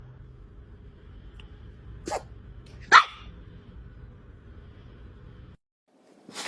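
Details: Dog sneezing: two sharp, brief bursts, with a third starting as the clip ends.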